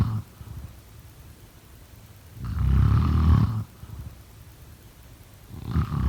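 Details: Snoring.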